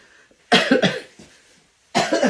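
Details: Two bursts of harsh, loose-sounding coughing in a small room, the first a run of three quick coughs, from a woman who is feeling better but still coughing after an illness; cough.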